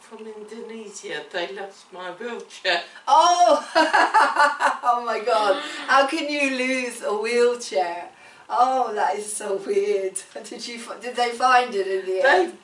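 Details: Adult woman speaking in conversation; typical speech.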